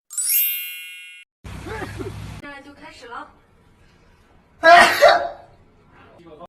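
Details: Compilation of K-pop performers' sneezes ordered quietest to loudest: edited short bursts of sudden explosive sneezes, the last loud and forceful, with chimes and music between.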